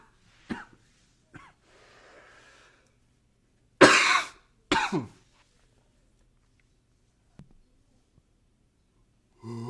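Scattered short coughs and throat clearing, one louder double cough, with a soft nose-blowing sound between; ordinary coughing in a quiet room.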